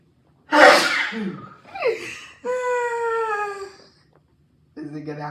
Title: Birthday Countdown #24: The Sneeze that Never Ends In LTKC Map